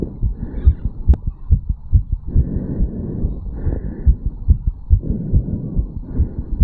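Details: 34-year-old male, stethoscope at the mitral/bicuspid valve area after a quick morning jog: rapid, regular heart sounds about 140 beats a minute, heart pumping hard with valves opening and closing quickly; tachycardia after exercise.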